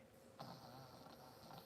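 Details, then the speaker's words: Loud snoring heard in the background of an indoor recording: a rough, rattling snore beginning partway through and carrying on over faint room noise, a sleeping dog. "You hear that snoring? Loud as hell."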